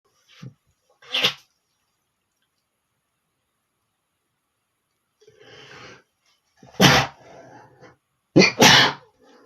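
Several explosive sneezes with short breathy build-ups and a long quiet gap between them.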